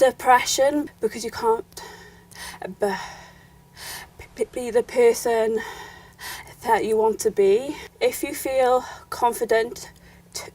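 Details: Young woman who has stammered since childhood and had anxiety, panic attacks and depression as a teenager; stammering (stuttering).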